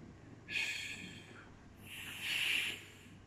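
Soft breathy in-and-out airflow imitated by mouth: vesicular breath sounds, the normal soft breathing heard over most of the chest.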